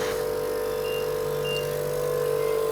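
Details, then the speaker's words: Steady, mid-pitched motor hum of a suction machine running during tracheostomy suctioning of a ventilator-dependent child, Arden, with the catheter passed 12 cm in from the trach tip. "so we turn on the suction machine pop off his vent take this excuse me go in through here so we're at 12 centimeters spin it pull it out and pop it back"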